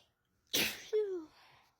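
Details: Looped sneezing fit (part 3): one sharp, hissing sneeze burst followed by a short voiced trailing 'choo'; a sneeze.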